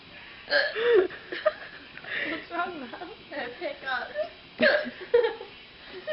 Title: Drunken Hiccups